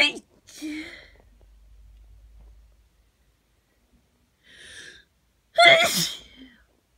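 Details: Repeated sharp, forceful sneezes, each preceded by a quick in-breath, in a quiet room, from a congested person with hay fever in the morning before taking antihistamines; sneezing.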